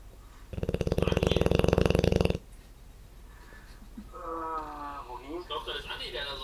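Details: 1-year-old Dogue de Bordeaux snoring: a loud, low, rattling snore of about two seconds, then quieter breathing and a brief whine-like sound.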